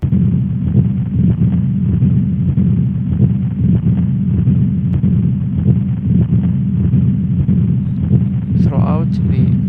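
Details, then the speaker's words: Patent ductus arteriosus: continuous, machinery-like murmur with a louder systolic component, best heard at the second left intercostal space, running through each cardiac cycle and covering S1 and S2. "يعني هذا continuous in character machinery like و louder systolic component بيها. نسمعها، خلينا نسمعها بس قبل ما نسمعها best heard in the second left intercostal space."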